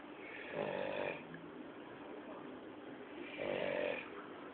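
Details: A man snoring loudly: two loud, rattling snores about three seconds apart, roughly 20 breaths a minute, over a steady low room hum; ordinary snoring.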